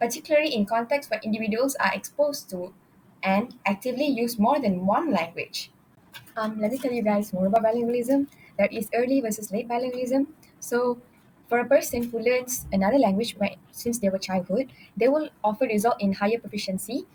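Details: Adult woman; normal speech.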